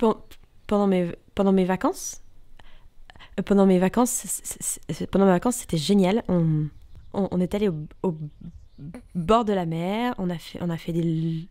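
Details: Stuttering in a female French speaker, shown as a contrast to cluttering; described as repetitions, prolongations, blocks, inappropriate pauses, sometimes monotone, with good awareness of the disorder.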